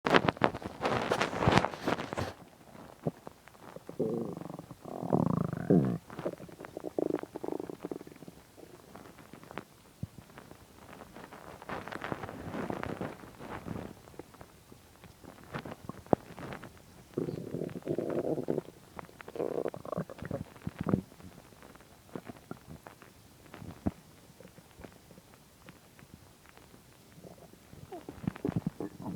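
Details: Gurgling, rumbling bursts with sliding pitch from an empty stomach: normal hunger-related bowel sounds, stomach growling (borborygmi).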